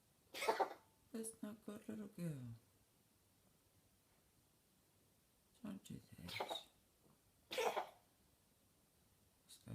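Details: Cat owned only a week, with a nightly prolonged coughing fit lasting nearly a minute and a half, whole body shaking; repeated harsh hacking coughs in bursts with soft human voice between; owner wonders if it is cat asthma.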